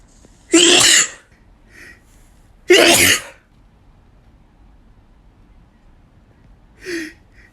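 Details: Male, really strong sneezes: two strong, explosive sneezes a couple of seconds apart, followed by a smaller sneeze-like burst near the end.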